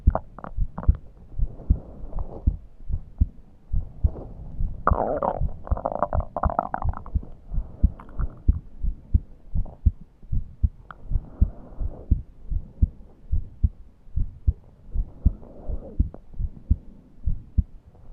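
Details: Self-recorded heart and chest sounds while short of breath and unable to breathe deeply: steady low heartbeat thumps with a higher, musical whistling wheeze rising over them at times.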